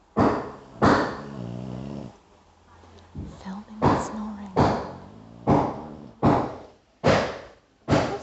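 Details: Sleeping male dog snores loudly in rapid, rough, rattling bursts, some with a growly tone.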